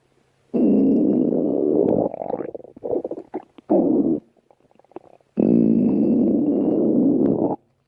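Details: Loud, long, low stomach growls with gurgling bursts between them; stomach rumbling (borborygmi) from gas and fluid moving through the gut.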